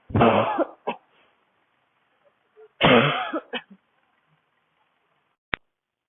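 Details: Adult woman's dry barking cough during a cold-weather street walk, with tight throat and burning chest: two harsh, dry, barking cough bursts separated by a quiet pause, in a public coughing fit.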